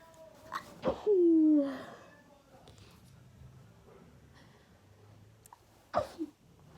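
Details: Person sneezing a lot; a quick breath in, then a loud sneeze, and a second sharp sneeze-like burst after a quiet stretch.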